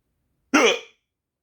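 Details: A single hiccup, one short sharp voiced gulp under half a second, from a person trying to sleep.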